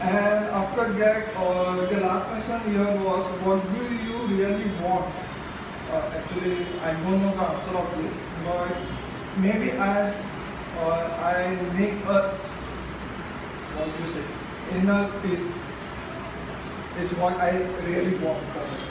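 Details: Adult man from Mumbai who stammers, speaking at a stammering self-help group; stuttering.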